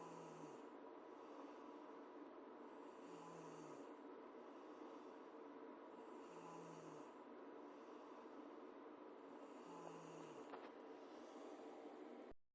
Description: This girl, at 12:30 am, snoring...keeping me from hearing X-Files and falling asleep...ugh...